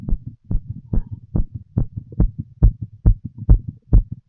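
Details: Full heart auscultation through a stethoscope of a female while smoking a cigarette: fast, regular heartbeat of about 140 beats a minute with clear paired low thumps; heart sounds.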